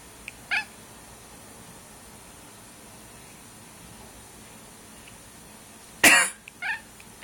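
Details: A cat gives a few short, harsh, forceful bursts consistent with coughing, against a quiet room; cat cough.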